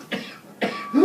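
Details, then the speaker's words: Whooping cough in an adult with low immunity: a short cough burst, then a rising, high-pitched crowing breath in, the inspiratory whoop. "This is what the whooping cough sounds like in a child. You can hear the distinct whoop sound when inhaling."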